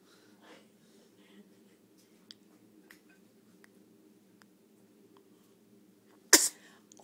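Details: Infant girl in a quiet room with a steady low hum and faint soft sounds gives one sharp, brief burst near the end: sneeze.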